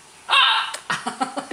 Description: I was kissing the baby, and I had really bad hiccups. They sounded so weird and loud with my mouth open!